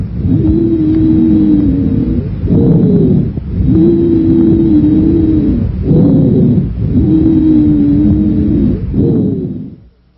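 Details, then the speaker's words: Wheezes on lung auscultation: repeated relatively high-pitched, musical, hissing or shrill whistling tones running through each breath, longer-lasting than crackles. "compared to crackles wheezes and ronkai last much longer and sound more Musical wheezes are relatively high pitched and have a hissing or shrill quality"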